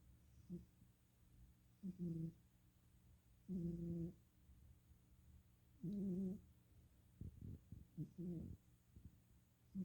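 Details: Cat named Woz breathes with repeated low, tonal, whistling-buzzy noises; wheezing.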